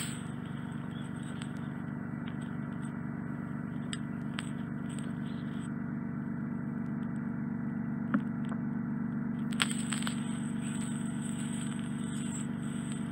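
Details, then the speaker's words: Endoscopic microsuction removal of deep, solid, impacted earwax from an adult male with bilateral fully occluding wax: steady loud suction hiss with faint crackles and clicks as wax is drawn out. "I think it's going to be really loud now. I'm going to see if I can get this out."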